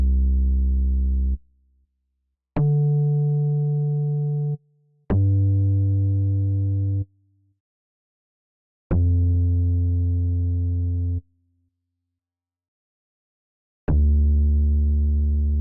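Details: Five steady low pure tones of about two seconds each, separated by silences, after the patient is told to raise a hand on hearing anything; simulated pure-tone audiometry in an acted ASMR hearing-exam role-play, not a real doctor.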